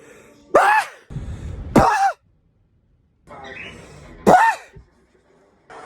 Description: Two months of sneezes. This is what I got.